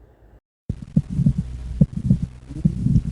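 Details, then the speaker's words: Pulmonic stenosis murmur, a systolic murmur played across inspiration and expiration, after an aortic stenosis murmur example. "now let's weigh an aortic stenosis Mur [Music] pulmonic stenosis"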